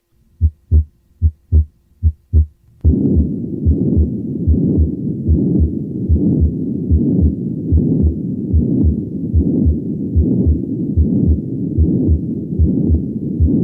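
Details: Continuous machine-like low-to-medium pitch systolic and diastolic murmur of patent ductus arteriosus, best heard at the second left intercostal space with patient recumbent; heart sounds precede it.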